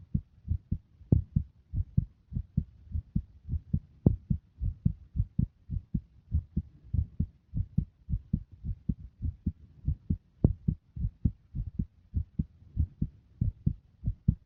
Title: Visible heartbeat with sound